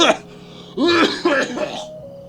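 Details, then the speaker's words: Adult man with a mild cough, possibly from allergies, after singing: a brief, isolated throat-clearing cough with slightly rough voicing. "But no, listen. I've got a little bit of a cough, and it is what it is. Is it allergies? Maybe, I don't know."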